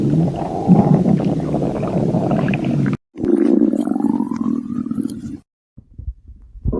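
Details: Stomach growling from one person, part of a compilation of recordings from 2025–2026: borborygmi.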